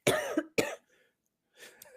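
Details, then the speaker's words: Adult speaker's ongoing cough during conversation; another speaker remarks it sounds like dying. "I can't say unfortunately it's not unfortunate sorry I've had this cough for I was gon to say it sounds like you're like dying"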